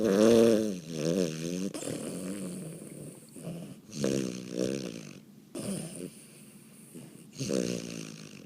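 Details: Dog snoring loudly: rattly, wavering snores with snorting edges, several rough breaths in eight seconds.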